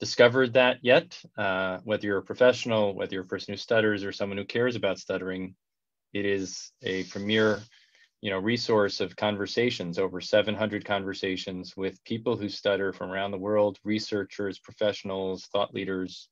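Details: Adult male speaker; normal fluent speech.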